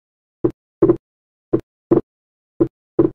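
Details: Teaching recording on heart sounds in a series of clinical cassettes: slow heart sounds, about 55 a minute, with S2 widely split in every beat, not fusing into a single sound on expiration: wide persistent splitting of the second heart sound.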